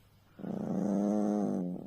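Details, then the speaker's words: Small sleeping female snoring while being stroked: a single long, buzzing, grumbling breath with a steady low tone, like a loud snore, in a small quiet room. "Что это такое за звуки Медведя что это милаша"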